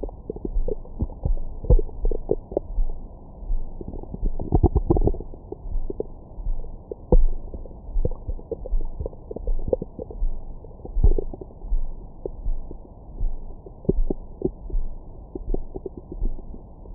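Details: Bowel sounds recorded with a Stemoscope stethoscope microphone on the belly after a large meal: low gurgles, rumbles and irregular squeaks, normal active bowel sounds.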